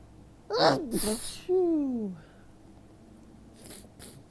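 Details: Hay fever from ragweed after days of heavy rain, morning: two forceful sneezes followed by a falling vocal moan; allergic rhinitis sneezing.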